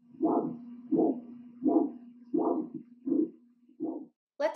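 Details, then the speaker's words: Teaching example on peripheral arterial disease: single dull whoosh with each pulse at about 83 per minute, one phase only, described as always abnormal; monophasic arterial Doppler signal. "monophasic flow is only one phase and is always abnormal it sounds"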